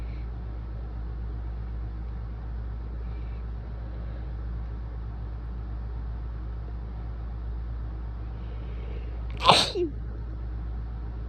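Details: A person who has been sneezy for several days, with really wet sneezes that soaked their shirt: steady low background hum, then one loud, wet, explosive sneeze.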